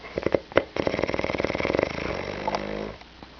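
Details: Person snoring, recorded by their brother: a short series of sniffs, then one loud, rattling snore on the in-breath.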